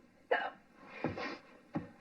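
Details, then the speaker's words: Simulated hiccups in an acted film scene (The Owl and the Pussycat): three abrupt voiced gulps about two-thirds of a second apart as a woman pleads to be scared out of her hiccups. "Come on, please. But maybe you'll hiccup yourself to sleep."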